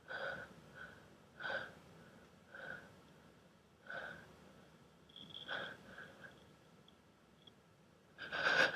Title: breathy sneeze